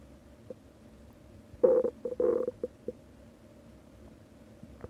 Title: Hatsune Miku's stomach growling